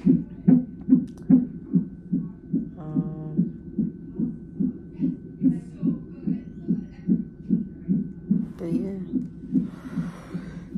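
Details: Fetal heartbeat on a hospital fetal monitor in labor and delivery triage at 34 weeks of pregnancy, with the mother in sharp pain and pressure and possible labor: rapid regular whooshing thumps about 146 a minute, described as very good and strong, with faint tones.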